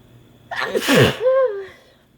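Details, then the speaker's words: Sneezing induced by Chhinkni sneezing powder on first use, after extra doses and another added agent. A single loud, explosive sneeze with a sharp burst of air and a brief voiced trailing sound. "Guess it's not going to work on its own. I'm going to introduce something else to maybe get myself sneezing here."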